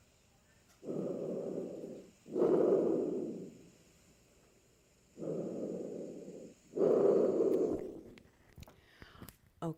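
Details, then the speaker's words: Two slow breath cycles of loud, hollow, harsh airflow heard over the trachea, each inhale shorter than the exhale, with a pause between; normal tracheal breath sounds demonstrated for dysphagia aspiration screening. "we're not listening for clicks and clunks we're listening to the airflow so the easiest place to hear it is right here"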